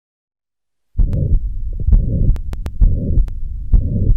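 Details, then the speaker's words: Mitral stenosis: low-pitched rumbling mid-diastolic murmur with sharp clicks, about 67 beats per minute, heard at the apex with the stethoscope bell, patient turned to the left lateral position. "the most unmistakable component in the diagnosis of mitral stenosis is the mid diastolic murmur which is heard with the bill of the stethoscope and the patient turn to the left lateral position"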